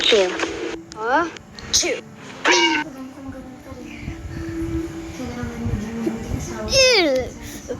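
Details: Several abrupt voiced sneezes with falling pitch in quick succession over a faint steady musical tone; part of a 16-sneeze compilation.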